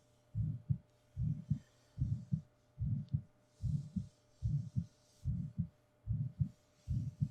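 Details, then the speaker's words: Adult's own heartbeat recorded binaurally as soft-spoken ASMR for sleep: steady paired lub-dub thumps about 74 a minute with faint background hiss; normal heartbeat. "never know where I am whether I'm nearby far away you will always always be able to hear and feel my heartbeat"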